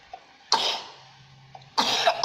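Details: Young child coughing while playing at cooking: two single coughs a little over a second apart, with a steady low room hum.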